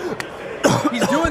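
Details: Adult streamer after drinking Prime: a sudden harsh cough burst, followed by strained voiced sounds as if catching breath; a brief coughing fit.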